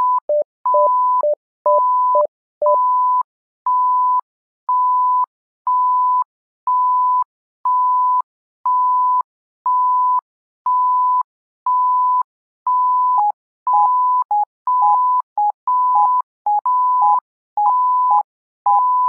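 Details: Simulated bedside patient monitor (SimMon simulator): regular beeps about 60 a minute, with quicker alternating alarm tones at the start and end.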